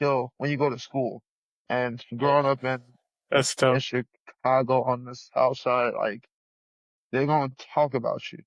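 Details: 34-year-old man with a lifelong stutter since childhood that persists in adulthood, stuttering hard especially on 's' words and his own name; stuttering.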